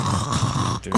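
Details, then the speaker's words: A person passed out asleep during a live show, snoring with a continuous low, rumbling, fluttering sound that fades briefly at the end. "is passed out. Yeah. Yeah, he was like, I want to go right now. I want to go. if you could please stop snoring. You're freaking out your surrounding people."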